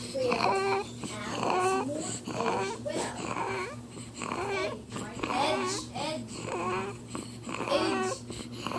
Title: Wheezing sound of my baby called Stridor. #laryngomalacia